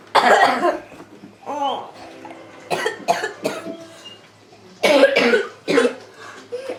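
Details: A child coughs repeatedly in quick bursts, about seven in under seven seconds, with little pause between them, unable to stop coughing: persistent cough.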